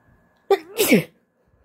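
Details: Sneeze from a female, induced with a hoodie string: a single abrupt sneeze with sharp onset and a wet, partly stifled release.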